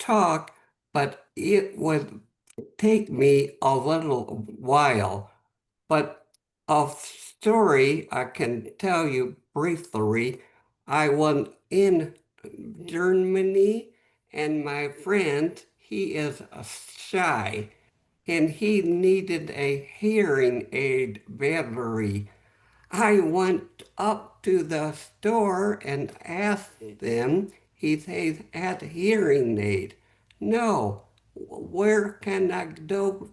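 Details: Post-stroke aphasia in a man, stroke 11 months earlier; at first could say only one word, could speak a little after three or four months; real, unscripted speech.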